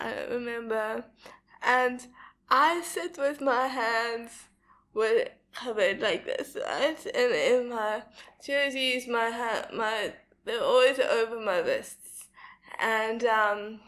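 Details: Dysarthria in a young woman with cerebral palsy diagnosed at 11 months old; she says her speech is not very clear.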